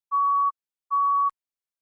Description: Heart Monitor Beep Sound Effect in HQ